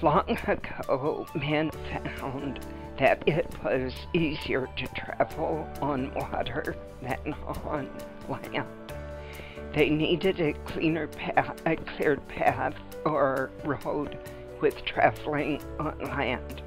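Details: Woman with spasmodic dysphonia, recorded before Botox injection of her vocal cords; spasmodic dysphonia.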